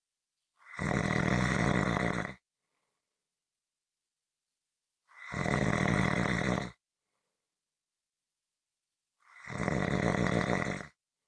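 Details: Snoring recording: three long, rough, rattling snores about four seconds apart, roughly 14 per minute, with silence between them.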